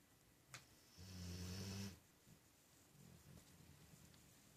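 One loud, buzzing snore on a long breath, then quieter breathing in a quiet room.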